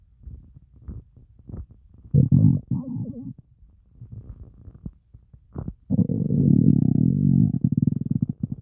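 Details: Stomach growling after fasting over 30 hours: deep low gurgles and bubbling, then a long loud groaning rumble; hunger borborygmi, a normal bowel sound.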